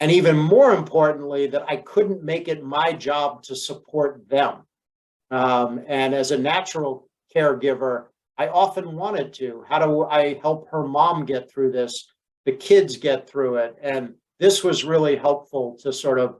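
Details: Adult male speaker; Normal speech.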